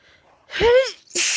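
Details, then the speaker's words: Adult who suddenly started sneezing at bedtime, 17-year-old cat purring nearby: a rising voiced intake followed by a sharp hissing burst; a single sneeze. "oh my just started sneezing i'm just about to go to bed"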